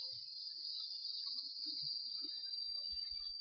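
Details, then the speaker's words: Animas Ping insulin pump priming a new infusion set: "go prime" held down with the tubing held upright until insulin squirts from the top end, during a routine three-day set and cartridge change; steady high-pitched electronic whine throughout. "So I'm going to hold down go prime and look for insulin to come out the top. So go prime."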